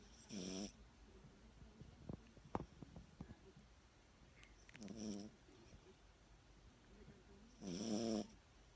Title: My dog 🐶 Yorkshire knows how to snore 😅🤦‍♂️🙏